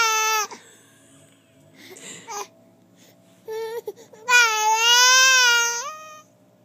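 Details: Infant girl's hunger cry: short, high wails separated by pauses and small fussing sounds; she squints as if trying to produce tears, and the parent suspects the crying is partly fake.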